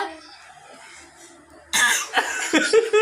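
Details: A child acting out a cough: a quiet room, then several short forced cough bursts with a giggle.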